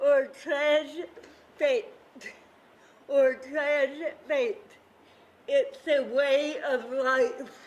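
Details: Adult woman with cerebral palsy, who describes her own voice as having a "CP accent", speaking at a World Cerebral Palsy Day event; dysarthria.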